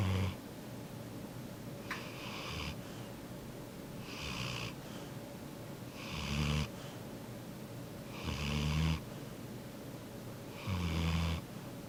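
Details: Sleeping yellow Labrador dog snoring loudly: regular deep rattling rumble with hissing exhale on each breath, about 26 breaths a minute.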